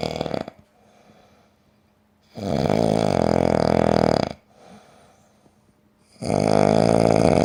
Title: Newfie Josh likes to snore